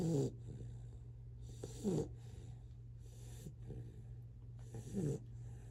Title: Great Dane Puppy Snoring Like A Buzzsaw